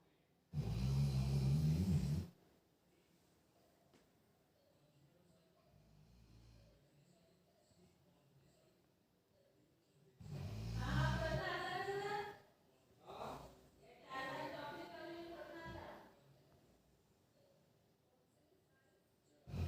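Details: Female pet dog snoring while asleep: low, rumbling, drawn-out snores with quiet gaps between breaths.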